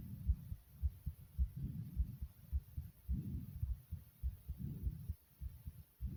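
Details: Fast heartbeat: rapid, regular low thumping at roughly 105 beats a minute; tachycardia.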